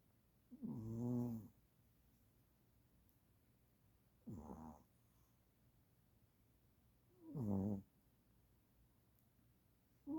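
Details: Snoring loud enough to wake the owner: three rough, rumbling snores about three seconds apart, each a buzzing breath in a quiet room; typical animal snoring.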